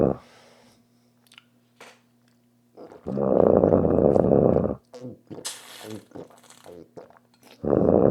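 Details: A sleeping dog snoring loudly: rough, fluttering snores separated by quiet pauses, with a steady background hum.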